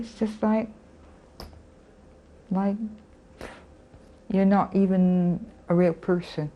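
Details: Adult woman, a former teacher, with aphasia following a stroke; aphasia.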